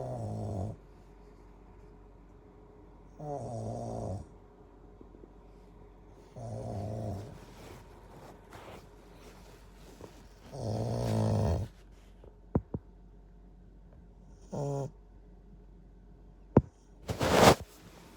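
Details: Regular low rumbling snores every three to four seconds, with quiet room noise between them; snoring in a sleeper.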